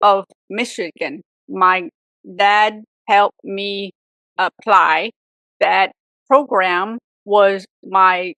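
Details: Adult woman, real stroke survivor, with aphasia for 18 years after a severe stroke at age 44, also reporting apraxia; aphasia.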